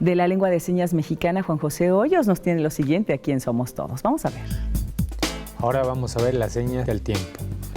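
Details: Adult speaker; ordinary speech.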